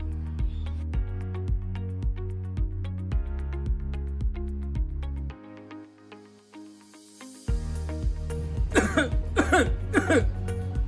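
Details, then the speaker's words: About three short acted coughs near the end, partly masked by background music, in a demonstration of correct cough etiquette to prevent disease spread: cough. "Mari kita mencegah penularan penyakit dengan menerapkan etika batuk yang benar. Begini caranya."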